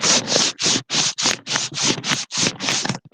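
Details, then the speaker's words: Two sheets of paper are rubbed together in rapid, harsh scratching bursts to imitate the hepatic friction rub of perihepatitis (Fitz-Hugh–Curtis). That rub is heard with a stethoscope at the costal margin, resembles a pericardial rub, and is usually inspiratory. "y se va a escuchar un frote bueno Ustedes todavía no los han escuchado pero es muy similar a un frote pericárdico sí es como si estuvieran rozando dos hojas Voy a tratar de imitarlo porque aquí tengo dos hojitas"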